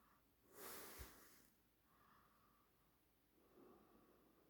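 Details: Pit bull: a single sharp snorting breath through the nose, followed by quieter noisy breathing.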